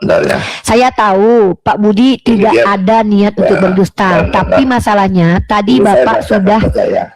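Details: Adult speaker, Indonesian; Normal speech.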